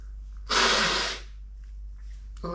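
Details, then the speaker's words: Sneezing from nasal tickling that the person suspects is autumn allergies (ragweed or dust?), into a handkerchief: a single loud, explosive sneeze with a hissing burst, then quiet breathing and the start of a voice. "Oh, I don't know if it's kind of like autumn allergies or what it could be, but it's tickling. It's really bothering my nose. Good thing I have my handkerchief. It's really. I think I'm gonna sneeze."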